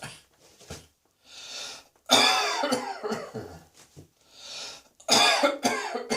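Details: Coughing, said to be triggered by cat hairs: two bouts of harsh, repeated coughing separated by breaths in, about eight coughs in all, in a small room.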